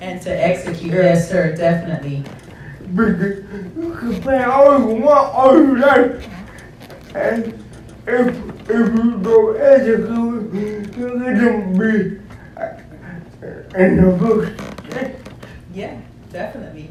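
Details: Dysarthria in an adult male founder introduced as physically challenged and speech impeded; he uses a wheelchair and needs a personal care assistant; the specific disorder is not named.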